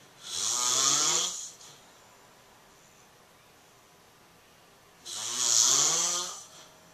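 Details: Adult man (a father) asleep after a long Christmas morning, two loud rattling snores on the in-breath about five seconds apart over quiet room noise; snoring.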